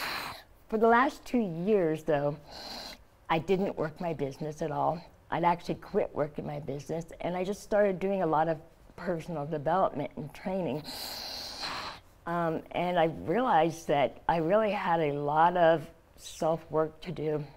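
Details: Adult woman, stage 4 epiglottis cancer survivor treated with surgery, chemotherapy and radiation; open tracheostoma covered by thumb to speak; partial glossectomy for tongue cancer; no teeth or saliva glands from radiation; tracheostoma speech with mild dysarthria.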